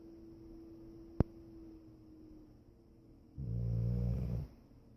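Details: Foster dog snoring gently during sleep.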